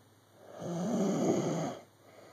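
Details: Adult man snoring during sleep: a single low rumbling inspiratory snore rising and fading over about a second.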